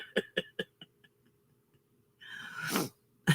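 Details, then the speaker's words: Adult woman with phlegm, says she sounds like a long-time smoker though she has never smoked: run of five short, loose, moist coughs then a harsh throat-clearing hack; wet productive cough. "Not yet, Jenny, but I think I need to because this phlegmy situation is not attractive. I sound like I sound like a long-time smoker, and I've never smoked in my life."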